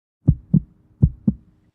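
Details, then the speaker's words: Simulated normal heartbeat illustrating the usual rhythm before slow heart rate from purple drank (codeine-promethazine cough syrup): two clear, regular lub-dub pairs at a normal rate. "some of those lows include slow heart rate and here's your heart beating like usual"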